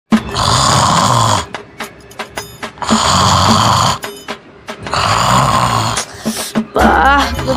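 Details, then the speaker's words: Three loud, harsh, rattling snores in regular breaths with quiet gaps, acted by an adult man in a skit, over faint background music; snoring, simulated. "Bro ఏంటే నీ గురుకతో చంపేస్తున్నావ్ bro నిద్ర రావట్లే అసలు bro"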